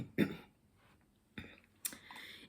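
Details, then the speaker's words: Adult with a hoarse voice, sick from air conditioning and heat, clears the throat, then gives two short, sharp coughs with quiet room noise between; cough and throat clearing. ", j'ai la voix cassée parce que je suis malade à cause des climes et de la chaleur. Donc il faut régulièrement que je boive pour pouvoir vous parler correctement."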